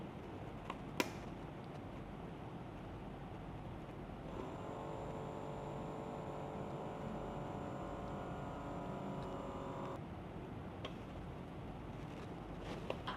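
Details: Button click on the Start/Stop key, then a soft, quiet, steady pump hum for about six seconds as an Omron HEM-7124 automatic blood pressure monitor cuff inflates.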